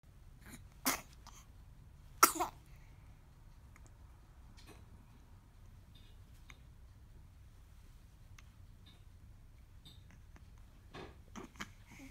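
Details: Infant with hiccups who is also sneezing and coughing: a few short, explosive cough bursts separated by long quiet stretches with faint room noise.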